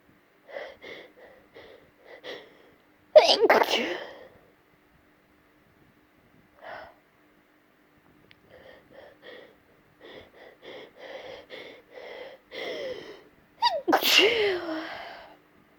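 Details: Female, morning sneezes deliberately tickled out with a hair pin: repeated short catching breaths building up, then two forceful sneezes with breathy hitching between; stubborn sneezing.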